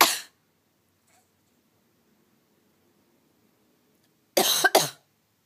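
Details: Cat coughing while her owner is sick: a short harsh cough, a long quiet pause, then two quick coughs in a row.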